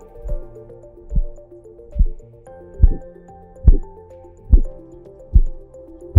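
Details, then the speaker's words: Korotkoff sounds heard through a digital stethoscope (Stemoscope) during blood pressure cuff deflation: regular soft thumps at about 71 a minute. "traditionally blood pressure is measured with a cuff and a stethoscope and the stethoscope is used to detect the sounds of blood flow during cuff deflation so-called kurat cough sounds"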